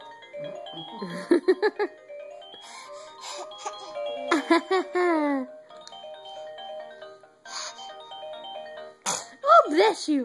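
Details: An infant gives several short, sharp sneezes, some with a brief voiced squeak, over steady background music; ordinary baby sneezing.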